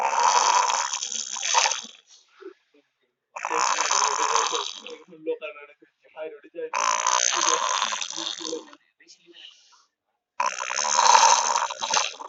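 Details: Sleeping boy snoring: four loud, harsh, rattling snores in about twelve seconds, with short gaps of quiet breathing between.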